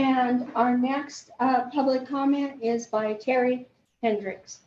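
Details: Adult woman speaking; Ordinary speech.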